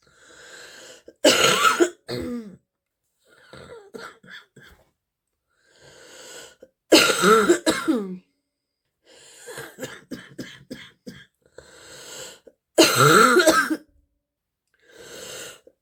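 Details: Three loud harsh coughs between quieter breaths and throat noises from a girl with a stuffy, wheezy cold: a deep, barking chesty cough.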